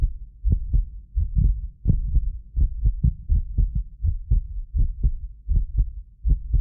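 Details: Heartbeat of a medically fit adult recorded with more than six precision contact microphones; steady regular low lub-dub at resting pace, occasional doubled click from a 6 ms microphone delay, not heart disease; normal heart sounds.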